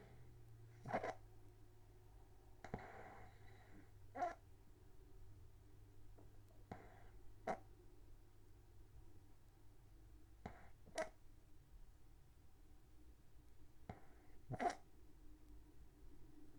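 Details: Extremely loud regular snorting snores about 18 breaths a minute in a quiet room, recorded overnight in 2016 from a self-described sleep apnea snorer; snoring.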